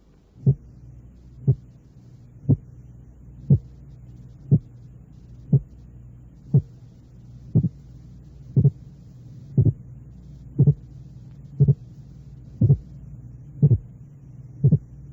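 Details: Simulated regular thumps at about 59 a minute, single at first, then each heard as a clear double sound: split heart sound with wide 0.08-second separation.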